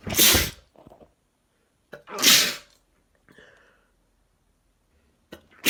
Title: Wet Sneezing Video (M)